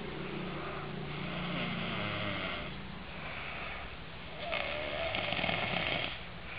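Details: A father snoring, loud enough to startle awake a baby of 4 months 20 days.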